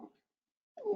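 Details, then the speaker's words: Breath in, then a high, musical whistling tone on breathing out; expiratory wheeze in a respiratory emergency teaching recording. "exhale wheezes so we start to hear that advantageous lung sound we talked about just a little bit ago"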